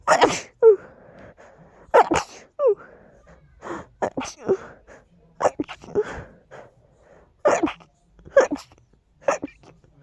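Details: Strong allergy sneezing fit: a rapid series of sharp, explosive sneezes, about seven or eight in ten seconds, with quick breaths between them.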